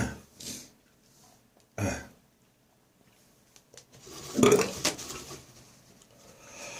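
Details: Adult with a lingering cough, recorded on St Andrew's Day morning: a few harsh, throaty cough bursts with retching-like gagging sounds between quiet gaps; coughing with gagging.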